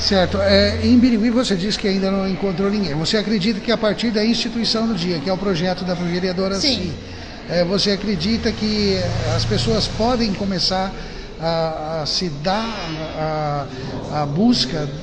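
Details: Adult speaker, Portuguese-language interview; normal speech.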